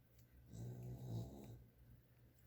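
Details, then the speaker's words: Sleeping dog snoring: a soft, low rumbling snore in a quiet room, heard in the background of speech. "I'm actually going to glue this down I don't know if you can hear the dog snoring"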